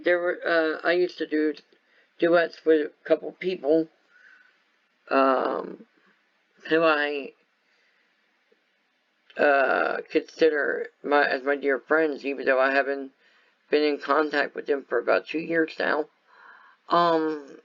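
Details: Adult man with speech impairment after viral meningitis with very high fever at about six weeks old, which also affected his walking, eyesight and hearing.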